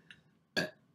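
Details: Male YouTuber burping, from a compilation: a faint throaty sound, then one short, loud voiced burp; an ordinary belch (eructation).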